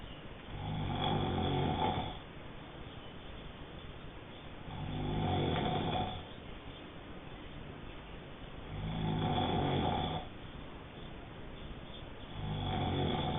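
Loud, rough snores on each breath in, about 15 a minute, with quiet breathing out between them. Snoring during sleep.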